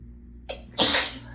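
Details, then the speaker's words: Person who gets intense sneezing fits when chilled, after the hot water ran out: a short in-breath followed by one forceful, hissing sneeze. "okay hold on i might just have to get the sneezes out first and then talk"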